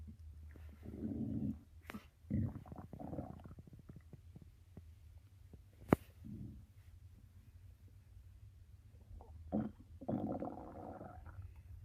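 Low, drawn-out gurgling rumbles come and go in a quiet room. Ordinary stomach growling from gut movement.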